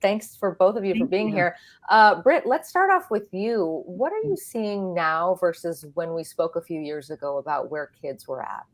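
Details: Adult woman speaking; normal speech.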